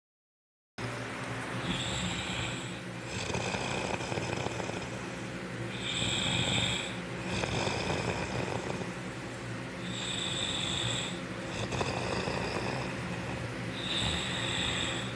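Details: A father's loud, rattling snores repeating about every four seconds, roughly 15 breaths a minute, over a steady background hum. Heavy snoring.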